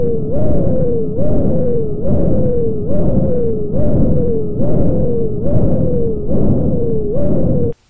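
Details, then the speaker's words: High-pitched continuous fistula bruit over an arteriovenous dialysis access, whooshing through systole and diastole with a sharp systolic accent at about 70 a minute, indicating outflow stenosis; a normal bruit would be soft. "in the in the presence of stenosis the sound becomes high-pitched as you can hear here"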